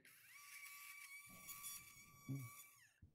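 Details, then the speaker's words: Demonstration of revision cervical total disc replacement, drilling in place of a chisel. High steady motor whine of a power drill through a guide, briefly loading as it cuts bone, then spinning down. "but with with this because you actually are drilling plural shot there you know you're going to see"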